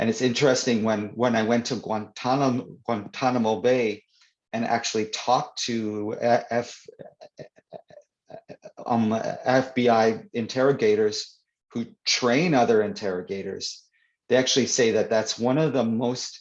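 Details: Stuttering (stammering) in an adult man who stutters, real conversational speech; he reports stuttering more when reading aloud than in conversation.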